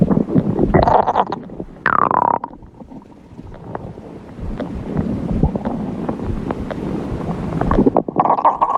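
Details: Hungry person's stomach growling: gurgling, rumbling abdominal sounds with drawn-out growls; normal borborygmi.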